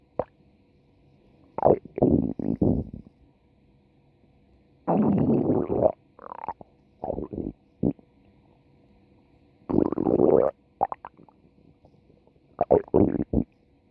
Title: Lupi's stomach growl